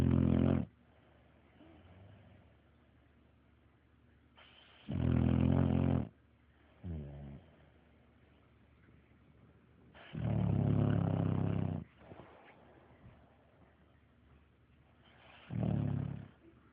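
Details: Dog asleep; loud, low rumbling snores every few seconds with quiet breathing between, about four snores: snoring.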